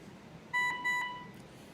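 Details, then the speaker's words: Dräger Savina mechanical ventilator during its alarm check: two short electronic tones in a quiet room. "soñar de alarma de media prioridad es la de color amarillo la de alta prioridad la roja la color amarillo es la de media prioridad"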